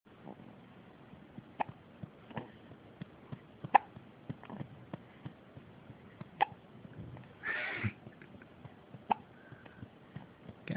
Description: Sweet boy has the hiccups, he got them so often when I was pregnant with him.